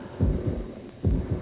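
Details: Two low, paired lub-dub thumps at a regular pace from a 1997 American Red Cross emergency response training recording, alongside blood pressure teaching; normal heartbeat.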